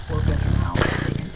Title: Bowie, the snoring dog